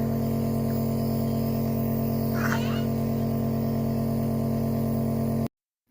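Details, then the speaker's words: Nebulizer compressor running with a steady droning hum for a 2-month-old baby with cough, sneezing and a rattling throat sound (parents suspected phlegm); given morning and evening before feeds; baby sometimes kept the mask on, sometimes moved around. "Sound అయితే ఫ్లారిబుల్ గా ఉంది అన్నమాట మా పాప అయితే some times పెట్టుకుంది some times అయితే ఇట్లా ఇట్లా అటు ఇటు కదిలింది"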